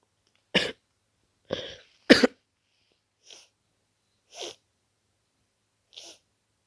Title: Sick with a cold: Sniffling, nose-blowing, coughing